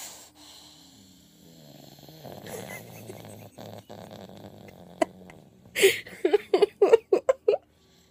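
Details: Deep-sleep snoring: soft, low, fluttering snores, ending in a quick run of short snorting bursts.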